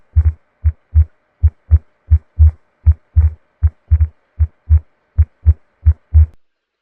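Regular heartbeat near 78 a minute with a soft murmur over the beats, consistent with mitral regurgitation.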